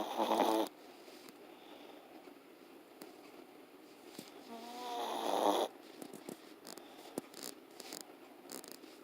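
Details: Long-haired teacup Chihuahua (small dog) asleep: two brief, fluttering, buzzy snores several seconds apart over quiet room noise; light snoring, described as a noisy sleeper.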